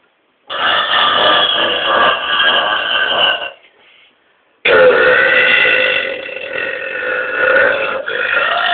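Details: Two people burping loudly and powerfully: two long, loud, drawn-out belches, each lasting several seconds with a rough, rumbling tone; burping.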